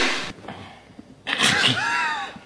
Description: : throws himself on floor and screams when he sneezes / : makes funny faces when he sneezes